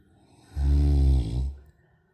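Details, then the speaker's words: Tibetan Mastiff puppy snoring: a single deep, loud, low-pitched rumbling snore lasting about a second. "Do Tibetans snore? You're snoring, puppy. You're snoring. You're still snoring."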